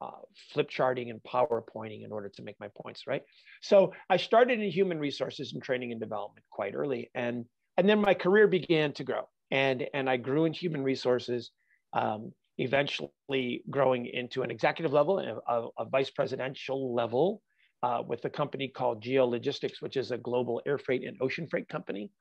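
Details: Adult man with stuttering (fluency disorder) since childhood, still stuttering all the time, not only when nervous; real.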